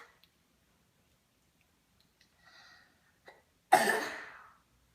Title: Coughing 8-18-15